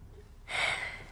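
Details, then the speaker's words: A young girl lying down takes a single slow, deep breath on request while her chest is listened to with a stethoscope; soft airy hiss, no added sounds. Normal deep breathing. "Listen to your breathing. That's it. There, have a listen with this. Big breaths in there. That's it, nice and slowly."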